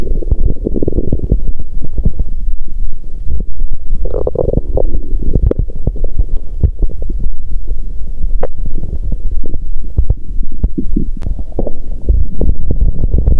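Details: Abdominal sounds on day 2 of menstruation as cramping abdominal pain eased, belly still rumbling: continuous low gurgling and rumbling with frequent irregular pops and squelches; active bowel sounds.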